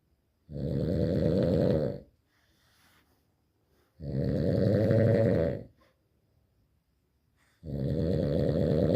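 Loud, rattling snores about 1.5 seconds long, repeating roughly every 3.5 seconds with quiet gaps between. Heavy snoring.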